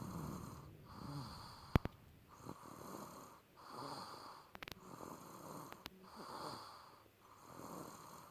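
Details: Regular rasping breaths about every 1.4 seconds, roughly 20 to 25 a minute, with a few sharp clicks in between: snoring during sleep.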